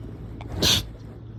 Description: Yeahhh, not much to this video. I just wanted to get a few sneezes out so I did